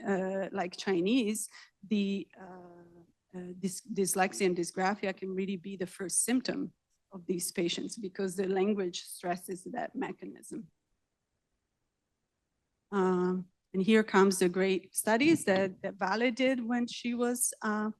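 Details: Adult woman speaking; normal speech.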